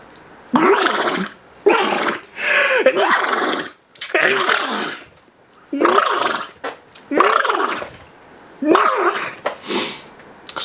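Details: A person sneezing while recording a video: a series of loud, explosive voiced bursts with short gaps between them, heard as repeated forceful sneezes.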